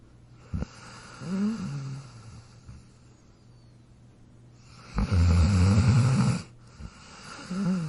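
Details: A sleeping dog snores with low rattling breaths, one long loud snore between quieter nasal whistles.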